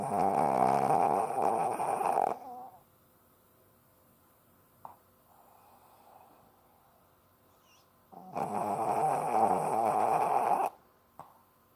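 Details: Long, loud, rattling snores on inhalation with quiet pauses between, in a small quiet room, from a Lhasa Apso dog asleep in someone's arms; loud snoring.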